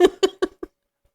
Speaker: our dogs sneezing I wondered what that noise was